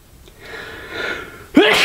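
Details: Person sneezing during a flute recording: rising breathy inhalation then one sharp, explosive sneeze; ordinary single sneeze.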